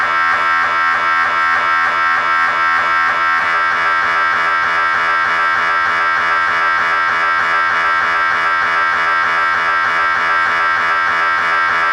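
Loud, steady, buzzing drone with rapid repeated pulsing, typical of an MRI scanner running a sequence.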